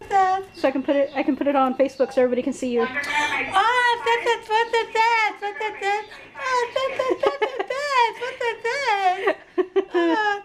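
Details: Broca's aphasia, a non-fluent aphasia caused by damage to the frontal lobe, usually of the left cerebral hemisphere.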